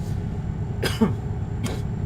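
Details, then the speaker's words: Adult recovering from a cold, with sore throat and blocked nose gone but a lingering throat tickle: two brief, fairly dry coughs a little under a second apart over a steady low rumble; a post-viral cough. "Sorry for the coughing again. By the way, as you can probably hear, I am a lot better. Uh, my sore throat's gone and my blocked nose is gone, but I've still got a little bit of a tickle. So, uh, there'll still be the occasional cough for which I apologize."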